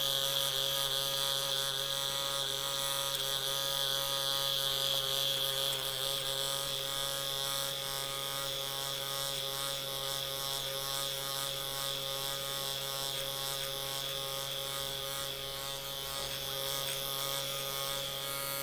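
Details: Steady high buzz with fast rhythmic pulsing under background music: a microneedling pen running on the face.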